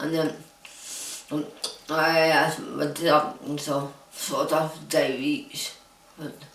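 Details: Adult woman diagnosed with Huntington's disease, living in a supportive care home. Finding: dysarthric speech in Huntington's disease.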